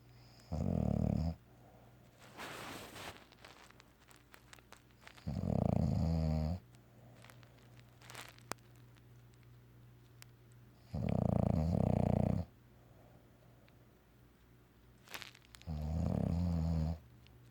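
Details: Loud, low, rattling snores recurring about every five seconds with soft snuffles between, from a bulldog during an afternoon nap, possibly dreaming: snoring.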